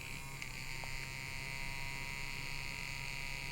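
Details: Blaine Labs handheld battery-operated vibration anesthesia device switched on, used to reduce pain of Botox, filler and mole-removal injections via gate theory: steady electric buzz; vibration anesthesia device running.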